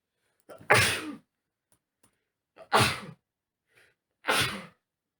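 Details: Repeated sneezing from an adult man on day one of an autumn cold: three forceful sneezes, each with a brief inward breath before the explosive burst, in a quiet room.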